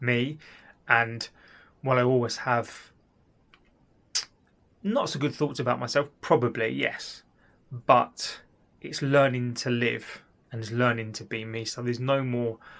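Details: Adult man with stuttering (stammer) since childhood.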